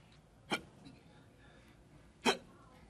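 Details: Acted hiccups in a comedy advertisement, not real; two abrupt, clipped hiccups about two seconds apart against quiet room noise; hiccups.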